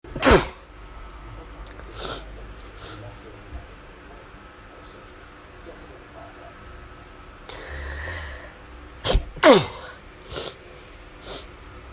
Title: 5 sneezes from morning allergies